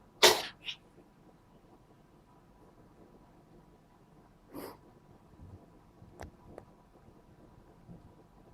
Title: sneezing cat